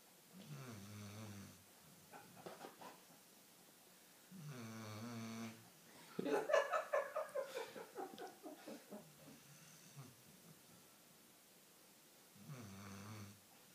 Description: Our dog snoring like a human!!!!!!!!